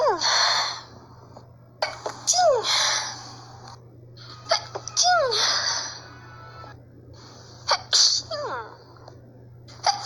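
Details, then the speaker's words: Ordinary sneezing: several sharp, explosive sneezes, each with a quick breath before it, over background music; the person says it had been a long time since sneezing. "Nossa, fazia tempo que eu não espirrava. Nossa, fazia muito tempo que eu não espirrava."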